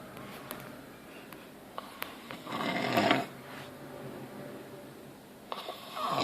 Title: My uncle snoring